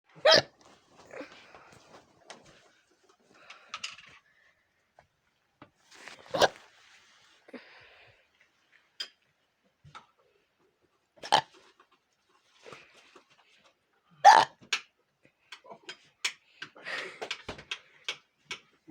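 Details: Repeated sudden, brief throaty catches at irregular intervals with quiet gaps between: hiccups.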